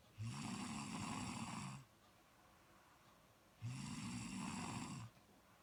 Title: snoring on Sleeping